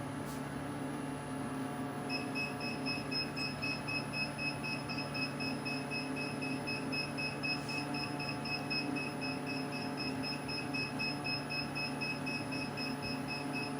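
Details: Laser hair removal on a woman at her second sitting, run at high power with frequency at 90: steady, rapid electronic beeping pulses over a constant machine hum during treatment.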